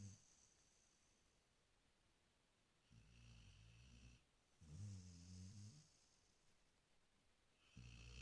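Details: Low rumbling snores on each breath, about three in eight seconds, separated by quiet pauses; ordinary snoring.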